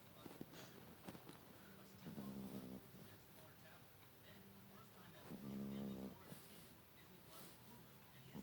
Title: cute beagle snoring